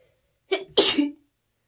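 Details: A single deliberately quiet sneeze: brief indrawn lead-in, then a short hissing burst, from someone who usually sneezes loudly.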